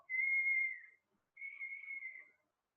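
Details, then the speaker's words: Imitated wheeze: two steady high-pitched whistling tones about a second each, demonstrating the dry whistling rhonchi of bronchial asthma in a lecture on acute bronchitis; not a real patient recording. "One of the type of Rhonkai is whistling sound. Another variety, whistling. Bronchial asthma. Bronchial asthma, whistling sound."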